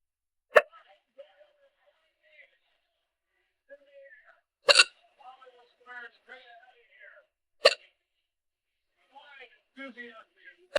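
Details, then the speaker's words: Young woman with hiccups she has had throughout a shopping trip: three sharp, sudden hiccups several seconds apart between soft murmured speech in a quiet space. "Just starting to get the hiccups now."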